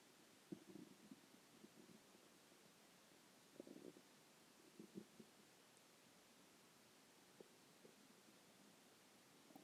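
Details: Stomach growling: soft, irregular gurgles and brief rumbles over a quiet background hiss, ordinary bowel sounds (borborygmi).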